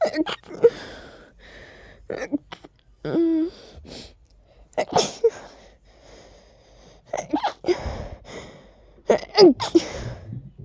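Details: Stifled sneezes from a person with flaring allergies and a very tickly nose: breathy catching inhalations building to several short, muffled, held-back sneezes.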